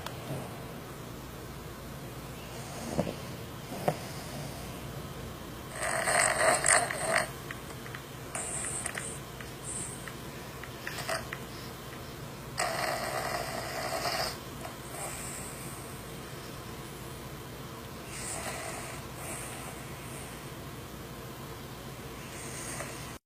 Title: DOG CAUGHT LIVE ON VIDEO WHILE SNORING !!!!!